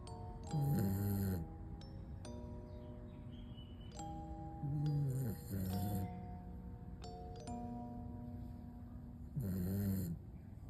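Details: Snoring of a sleeping toy poodle: three slow, rumbling snores about 4 to 5 seconds apart over soft chiming music.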